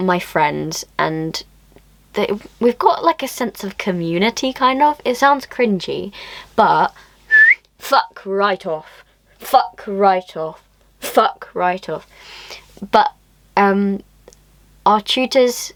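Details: 18-year-old with Tourette syndrome; repeated involuntary swearing tic in the middle of speech. Vocal tics with coprolalia.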